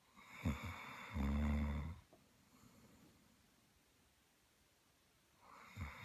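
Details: Rhodesian ridgeback dog snoring during a nap: one low, rumbling snore preceded by a short snort, then quiet room noise and next breath.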